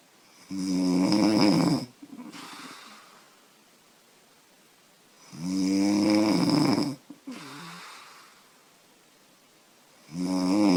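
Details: 25-year-old woman snoring loudly after drinking beer: loud, rattling snores on each in-breath at about 12 a minute, each followed by a quieter out-breath.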